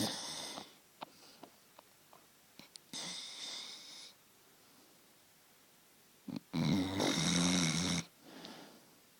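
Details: American bulldog asleep with her tongue out. Irregular noisy snorting snores with small wet smacking clicks as she sucks on her tongue.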